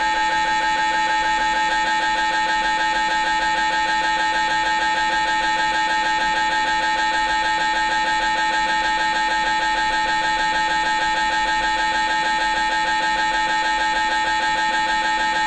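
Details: MRI scanner running a sequence: loud rapid mechanical knocking about three times a second over a constant buzzing hum.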